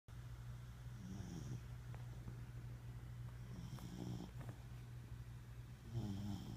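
Low, rumbling snores from a sleeping dog, with rattly breaths repeating every few seconds.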